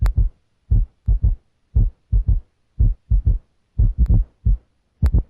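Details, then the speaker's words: S3 gallop in a teaching heart examination: heartbeat near 58/min with an extra low-pitched, dull sound early in diastole just after S2, giving a Kentucky-like three-beat galloping rhythm. "makes their walls vibrate early in diastole because this low pitched sound happens right after s2 it produces a galloping rhythm as in the word kentucky"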